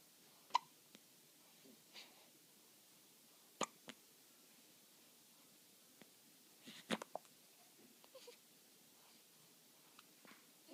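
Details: Hiccups: faint, brief, sharp catching sounds recur irregularly in a quiet room.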